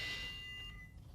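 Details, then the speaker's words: A brief, steady, high-pitched electronic alarm fades after about a second as a Chirana Aura V mechanical ventilator, connected to a test lung, starts up after its self-tests and opens the ventilation menu. "suena una alarma audible que nos lleva al siguiente menú con todas las opciones de ventilación"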